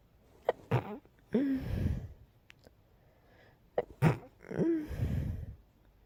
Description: You can hear how sleepy I was when sneezing here. Sometimes the tickle comes at night.. 😅